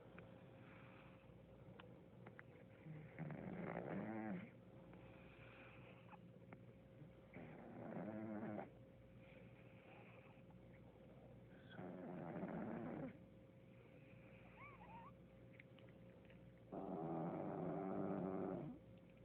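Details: A cat, tongue out and coughing, makes four loud, harsh, wheezy breathing bursts at the start of an attack; wheezing in feline asthma.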